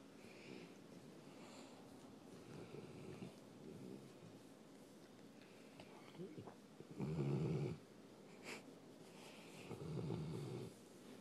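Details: 4-year-old Greater Swiss Mountain Dog napping while being petted: quiet breathing broken by a few louder low snoring rumbles and a snort; ordinary sleep snoring.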